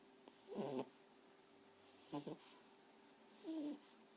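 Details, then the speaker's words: Pet pug snoring at 3am: three brief, rough, whistling snores about 1.5 seconds apart from a sleeping flat-faced dog; noisy snoring through a narrowed airway. "It's currently 3 AM in the morning. And yes, Frank's still snoring."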